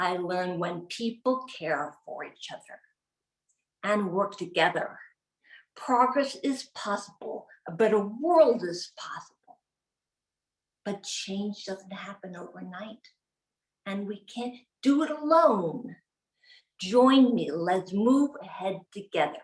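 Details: Aphasia in an adult woman acquired from a gunshot wound to the head in 2011; delivering the end of a practiced, relatively new speech.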